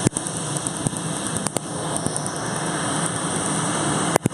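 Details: Laser tattoo removal on the buttocks in a woman who has had the procedure before on another tattoo; steady loud rush of cooling air with rapid sharp snapping laser pulses over about 30 seconds.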